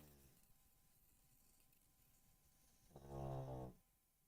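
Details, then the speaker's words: A single loud, low, buzzing snore from someone sleeping nearby rises out of quiet room noise near the end of a spoken monologue: snoring. "sorry if you hear the snoring, that's."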